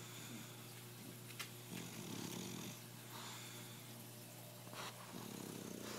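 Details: Bulldog napping: rough, rattling snore sounds with a steady low hum of room noise behind them; dog snoring.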